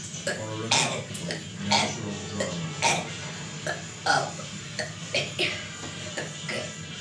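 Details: Deliberate alphabet burping by a person: a run of short, voiced burps about once a second shaped like spoken letters, over faint background music; burping.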